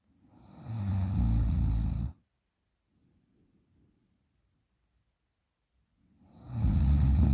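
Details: 20-year-old girl snoring very loudly in sleep: loud, rough rattling snores on each in-breath, with quiet breathing out between them.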